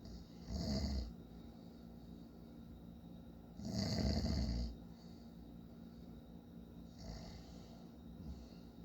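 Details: Father snoring in sleep: low rattling snores on breathing in, about three in nine seconds, over a steady room hum; snoring.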